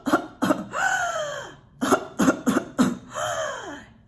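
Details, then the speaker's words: An adult doctor imitates a whooping cough (pertussis) paroxysm of the kind that starts after about 2–3 weeks of illness: quick bursts of coughs, each run followed by a long, high-pitched whooping in-breath. "But then after about 2 to 3 weeks, that's when those coughing fits starts. That gives it its name. And the cough looks a little bit like"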